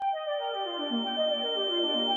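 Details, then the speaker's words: Simulated tinnitus: steady high-pitched ringing throughout with a falling musical tone beneath, imitating constant ringing and buzzing in the ears. "my ears were buzzing a lot there was a constant ringing noise in my ears it was so irritating that I could not sleep for days"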